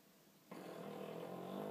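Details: Pet named Blinky sleeping: after a brief quiet moment, a single soft, rough, buzzing breath rises and holds steady, a gentle snore.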